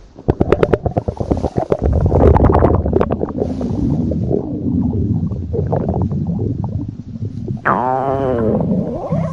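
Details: Loud, long gurgling and rumbling from the belly with rapid bubbly pops and a drawn-out squeal; ordinary stomach growling (borborygmi).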